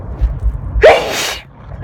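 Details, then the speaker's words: Person sneezing repeatedly and uncontrollably while driving, with watering eyes, despite trying to hold the nose: a single sharp sneeze, a quick inhaled catch then an explosive burst, with faint road rumble. "so I wish I wasn't sneezing all the time"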